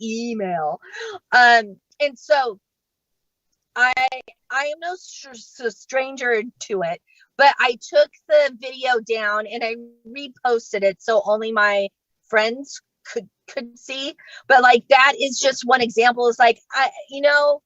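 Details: Adult female stand-up comedian who stutters and states she does not fake her stuttering, speaking during a live comedy set; stuttering.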